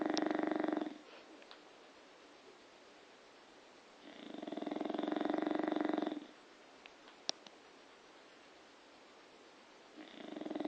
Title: bulldog snoring!